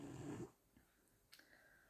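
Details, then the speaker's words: French bulldog snoring: a single brief, rough, rumbling snore followed by quiet room noise. "D'ailleurs, excusez-moi si depuis tout à l'heure vous entendez des c'est qui d elle ronfle parce qu'un bouldog français ça ronfle et ça fait beaucoup de bruit."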